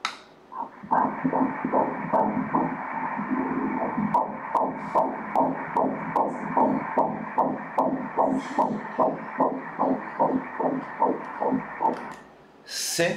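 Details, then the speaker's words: Fetal heartbeat at 13 weeks 3 days of pregnancy on ultrasound Doppler: rapid, regular whooshing pulses at 149 beats a minute, normal fetal heart rate. "Notice the baby's heart beating here. Look there, the heart. That coloring is the baby's blood. Let's hear here, the heartbeat."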